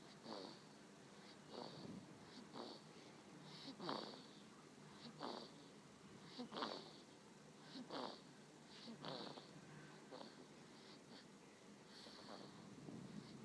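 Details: Sleeping Savannah kitten, 1 month 16 days old, snoring while napping: soft, irregular snuffly breath noises with faint wheezy, whistling bits, about 45 a minute, over light background hiss.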